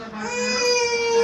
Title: Funny Babies Crying for no reason | funny baby videos | crying baby | funny pictures for kids